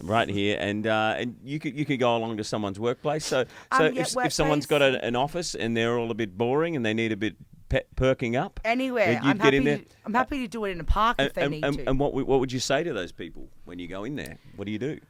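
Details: Adult male speaker; Normal speech.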